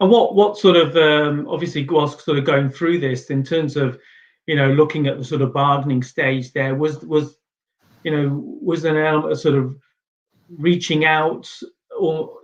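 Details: Adult speaker; normal conversational speech.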